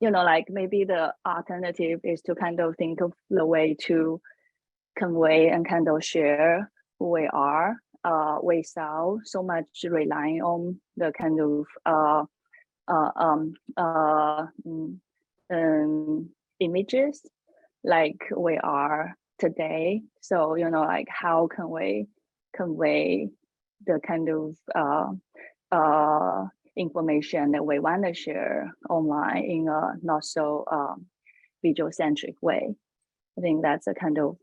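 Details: Adult woman panelist who says she has a stutter, speaking English: stuttering.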